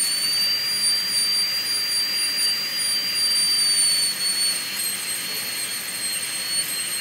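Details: High-speed dental handpiece on a typodont: a steady high-pitched whine runs continuously with slight pitch shifts as it cuts an MOD ceramic onlay preparation on tooth #18, forming the proximal boxes.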